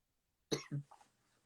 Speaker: Y'all, please excuse my coughing. I have walking pneumonia and bronchitis right now, so I'm trying to be great.